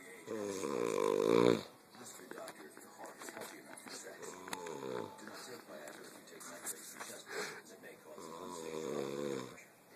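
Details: Loud, rough, rattling snores on each breath, with quieter fluttering between them and faint room noise; snoring.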